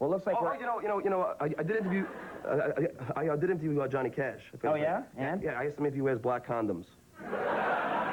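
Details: Adult man, a radio show personality publicly known for stuttering, described as having a speech impediment; part-word and word repetitions; stuttering.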